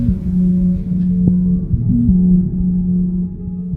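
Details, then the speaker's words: Heart transplant candidate living on an LVAD with no native heartbeat or pulse: steady low mechanical hum with a throbbing, techno-like edge instead of separate heartbeats. "Can you hear it? It sounds like a techno. Yeah, that's because doesn't really have a heartbeat or a pulse for that matter."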